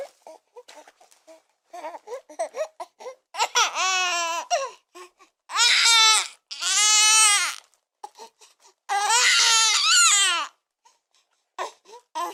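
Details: Newborn baby crying hard: loud, sustained wails in long bursts with short catches of breath between them; ordinary vigorous infant crying.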